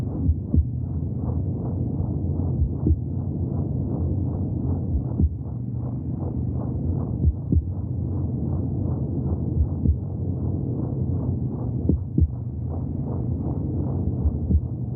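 Continuous fast, pulsing muffled whoosh with scattered low thumps; rhythmic heartbeat sounds from inside the womb.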